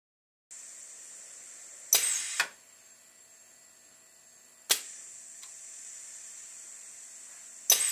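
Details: Proof-of-concept ventilator prototype cycling, with a rubber ram on a pneumatic air cylinder squeezing a 1500 ml resuscitator bag: steady air hiss broken by sharp pneumatic bursts about every three seconds.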